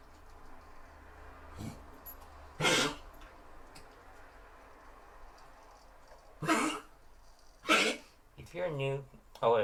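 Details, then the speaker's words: 14-year-old dog with a collapsing trachea: several harsh, dry hacking bursts ending in honk-like sounds; a honking cough. "if you're wondering what that sound is, it's my dog hacking. He's got a collapsing trachea."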